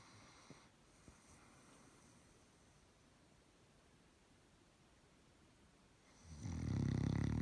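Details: Sleeping Doberman dog snoring: a quiet room, then one loud, low, rumbling snore near the end.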